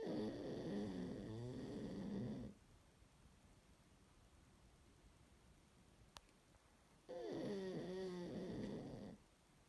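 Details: Missie snoring and dreaming during morning sleep: two long, rattling snores separated by a quiet pause in a small room; snoring.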